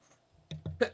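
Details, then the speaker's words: Loud single human sneeze caught on an open microphone during gaming voice chat. "Did you hear that sneeze? Yes, that was pretty loud. I tried to mute my mic, but I didn't hit it in time. That was a hell of a good sneeze."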